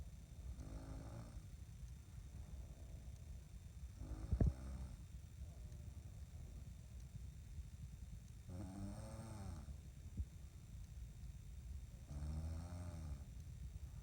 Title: Snoring banjos